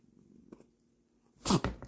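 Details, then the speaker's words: Munchkin cat: faint quiet purring or breathing, then one sudden sharp explosive sneeze with a short snorting follow-through; a single ordinary sneeze. "깜짝이야. 내가 더 놀랐다. 제치기 한 거야."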